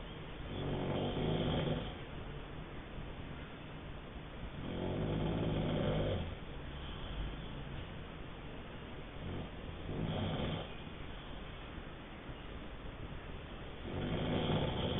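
Low, rumbling snores with each breath, about 14 a minute, somewhat uneven in timing.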